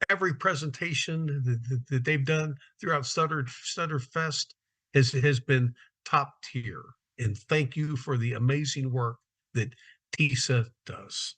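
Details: Adult male speaker; ordinary speech.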